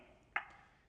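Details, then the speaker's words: ZOLL AED 3 training demo, after analysis with no shock advised, prompting CPR to match the tone: a single short electronic tick in a quiet room; compression pacing metronome tone. "don't touch patients analyzing no shock advised start CPR push to match the tone"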